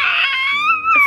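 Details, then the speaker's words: Six-month-old baby girl with a cold and very runny nose, tired and needing sleep: a brief, high, fussy cry with wavering pitch; unsettled infant crying. "But I don't know if she's gonna be awake by then, because she's just been really needing sleep today, just because of her cold. Just because of her nose being so runny. She's really in a mood, so"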